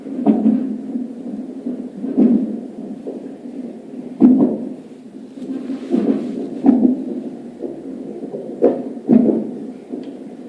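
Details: Fetal hiccups at 34+6 weeks of pregnancy, belly jumping, heard like heartbeats: muffled, irregular low jolts over a steady whooshing background, about 25 a minute.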